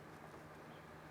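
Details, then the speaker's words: Steady, low rushing hiss of a suction tube drawing a wax plug from a tight ear canal during endoscopic microsuction on a man with recently blocked ears and no earlier wax removal; ear microsuction. "you can see it all just drawing into the suction tube as I'm trying to take this plug away here we go a little bit of movement a little bit of wiggling"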